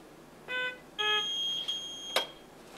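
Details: PB840 ventilator powering on during setup, after gas pressure lines and power are connected and before the tubing self-test: short series of electronic tones and beeps, then a sustained high tone ending in a click.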